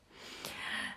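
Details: Brief noisy snorting breath from a sleeping pug in a quiet room: a dog's snore.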